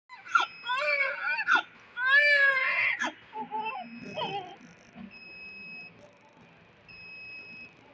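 Short bursts of high-pitched newborn crying that fade into whimpers, with a steady electronic beep in the background.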